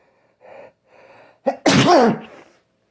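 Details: Male sneezing into a tissue after a persistent nose tickle: two quick drawn-in breaths and a brief catch, then one loud, forceful voiced sneeze that trails off.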